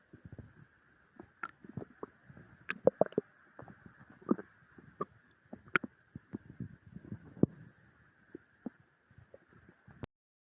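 Irregular gurgling, bubbling and rumbling bowel sounds with a faint steady background hum; ordinary stomach growling during digestion after a large meal.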